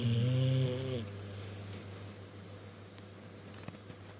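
A loud, deep, rattling snore followed by quieter steady breathing noise.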